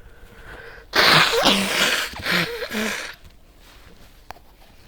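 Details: A single loud, explosive ordinary sneeze with a brief voiced burst, then quiet, from a person wearing headphones.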